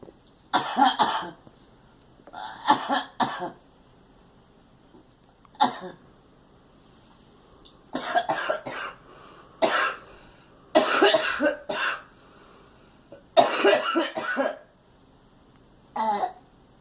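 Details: Girl who says she is tired and that a cold is hitting her hard coughs in repeated short bouts, several harsh coughs each, with quiet pauses between.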